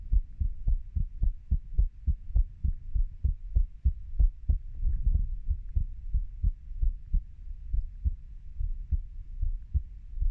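Regular low thumping heartbeat, fairly quick at roughly 100 beats a minute, paired beats with a soft hum behind; ordinary adult heart sounds.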